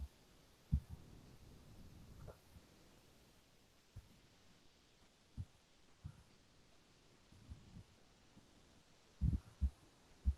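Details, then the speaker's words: Teaching recording of normal heart sounds played in a cardiology seminar: faint low thumps, some in lub-dub pairs, against quiet room hiss, S1 and S2. "okay uh so you guys were able to hear that right just making sure uh hello okay yeah kinda so uh so uh those uh that was the you know the normal heart sound"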